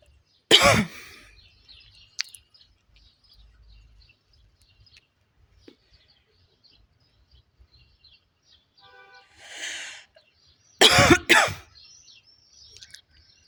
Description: Woman smokes a cigarette and coughing throughout the video. She coughs quite a lot while smoking